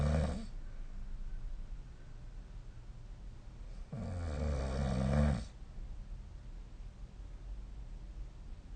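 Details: Loud, low, fluttering snores on the in-breath, two about four seconds apart, with quiet breathing between; ordinary sleep snoring, recorded with a snoring app: snoring.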